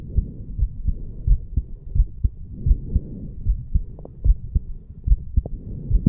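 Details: 34-year-old male, heart recorded at the mitral (bicuspid) valve area after farmer's walk exercise: strong, quick, regular lub-dub heartbeats over low rumbling noise, normal heart sounds.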